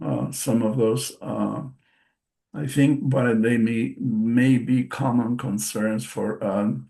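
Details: Man, a stroke survivor with post-stroke aphasia, speaking English as a non-native speaker during a presentation; word repetitions and self-corrections are audible; aphasia.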